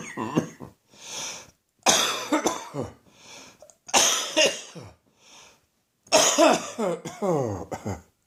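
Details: An adult's cough that won't go away, in the morning: three bouts of harsh, repeated coughs, each followed by a gasping in-breath; a coughing fit.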